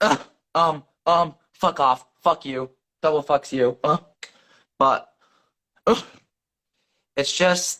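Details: 17-year-old male with severe Tourette syndrome, at times self-injurious; involuntary profanity plus vocal tics such as tongue clicking and laughing; coprolalia (vocal tics).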